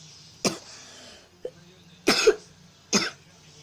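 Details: A child coughs after singing a song: several short, dry cough bursts, one a quick double, in a quiet room.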